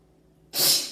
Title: standing head sneeze